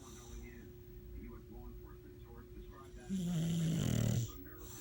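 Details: A sleeping bulldog gives one loud, low, rumbling snore on an in-breath against quiet room noise: snoring.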